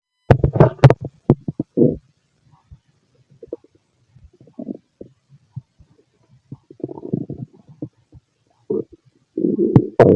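Loud, irregular gurgles and rumbling bursts separated by silence, with a long gurgling rumble at the end: ordinary stomach noises.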